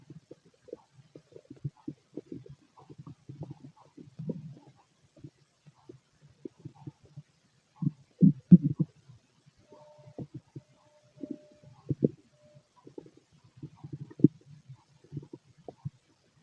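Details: Male stomach growling during digestion: soft, irregular gurgles and rumbles in bursts throughout; bowel sounds.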